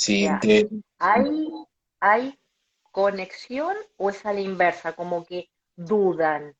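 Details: Stuttering in an adult Colombian speech-language pathologist who himself stutters, heard during a live interview.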